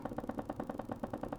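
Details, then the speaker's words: Upper-extremity needle EMG teaching demonstration with the wrist bending and the needle placed deeper. Rapid, repeating crackly pops at about 9 per second are a polyphasic motor unit potential, one among several normal units and not abnormal by itself. "let's play this course the bass line so that's a polyphase motor unit again one out of all these a lot of them is not abnormal"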